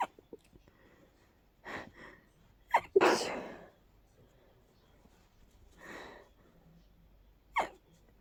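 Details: Person with allergies flaring and stuffy all day: a powerful run of stifled, stuffy sneezes with sharp catching breaths before them, a sneezing fit.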